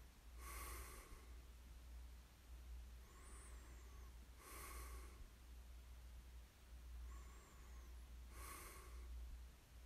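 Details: Soft, rhythmic snoring breaths about every four seconds over a steady low room hum; ordinary snoring during sleep, recorded as a snoring ASMR sleep aid.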